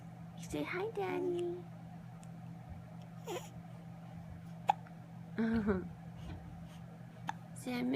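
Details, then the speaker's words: Small child who had started to feel a little better now has hiccups: a few short, abrupt catches of breath amid adult talk and room noise. "I think he started to feel a little better but now he has the darn hicups"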